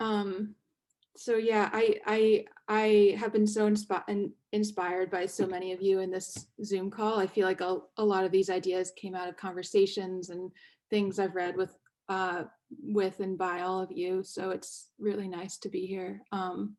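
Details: Stuttering in an author who stutters reading aloud, with word and part-word repetitions.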